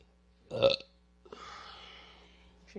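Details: Single loud burp then a long, softer drawn-out belch in a quiet room, while drinking cold root beer and taking medications.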